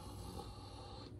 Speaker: big one that they are overdosing right here choking that choking and gurgly sound so if that when they're bet when their breath rate really starts to drop you'll notice that it's like that gurgling like their lungs are filling though